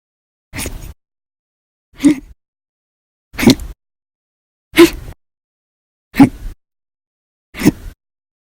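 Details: Hiccups described as violent, loud, silent and minute, recorded on 7/26/19 and 7/28/19.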